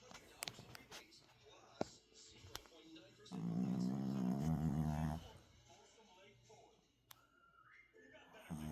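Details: Snoring: one long, loud, rattling snore lasting about two seconds between quiet room noises.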